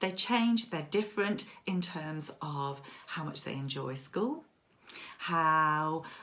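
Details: Child who stammers; stammering is described as getting stuck and unable to say a word, with tense struggle, and as worse when rushed; stammering (stuttering).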